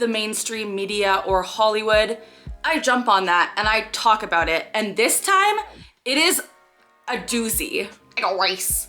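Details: Vocal tics, a phrase-like tic, in an adult woman with Tourette syndrome diagnosed at age 12, about 15 years ago; she has motor and vocal tics and also OCD.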